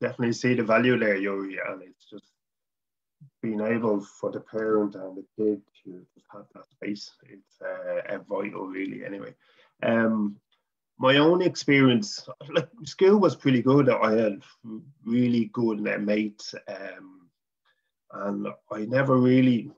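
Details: Adult man from Dublin, Ireland, who stutters, speaking English; stuttering.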